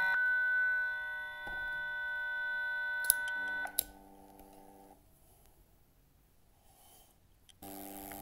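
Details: Defibrillator switched from AED mode to manual mode for a 30 J manual test: steady electronic charging tone, then a click and lower alert tone as the 30 J test discharge passes.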